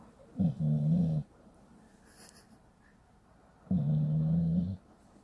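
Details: Two long, low, droning, human-like snores about three seconds apart from a sleeping pit bull dog; loud snoring.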